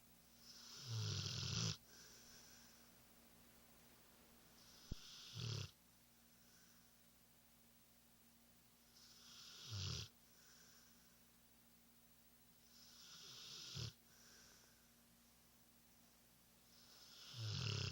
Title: Chomper snoring